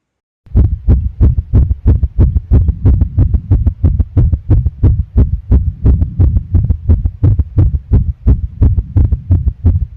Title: Heart test + Heartbeat recording + ECG. ✨😮‍💨